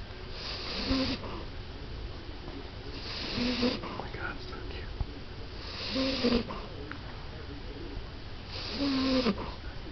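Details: 14-year-old female French Bulldog snoring as she falls asleep: soft, rhythmic snorting snores about every three seconds over steady room noise.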